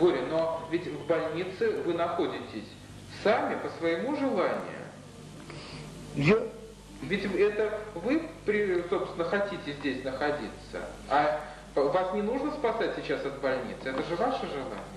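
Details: Adult interviewer speaking Russian; normal speech.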